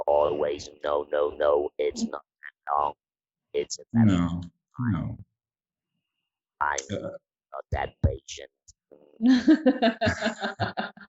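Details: Electrolarynx speech in a 66-year-old man, about eight months after laryngectomy in February 2020, using a neck-held electrolarynx with a button that controls pitch and intonation.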